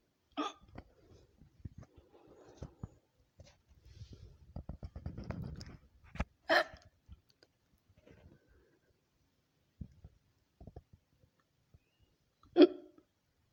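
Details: Woman's own hiccups edited into a collage: a few sharp, sudden catching hiccup sounds spread irregularly among quiet room noises and small clicks.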